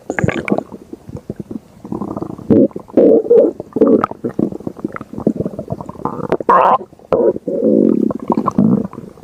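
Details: Stomach growling (borborygmi): gurgling, rumbling abdominal noises with bubbly bursts and drawn-out growls.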